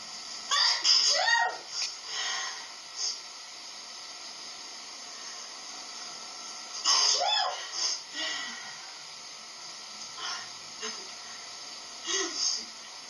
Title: Sneezes Pt.10